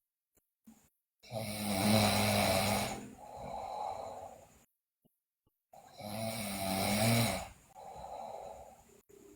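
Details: Loud, harsh snoring in a sleeping girl, rough snores on each in-breath with softer out-breaths, about 13 breaths a minute; also noted bruxism and delirious sleep talk.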